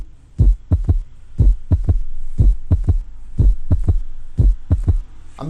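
Regular low heart sounds at about 60 beats a minute, each beat a three-part rhythm: a first and second sound followed closely by a soft extra thud in early diastole. This is a third heart sound, a gallop that points to rapid ventricular filling, often from a stiff or failing ventricle.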